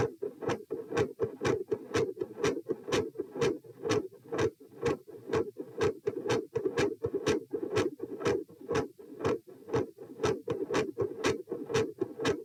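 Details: Heart sounds recorded at position p during sitting to standing: consistently loud S2, variable S1 and episodes of intermittent murmur.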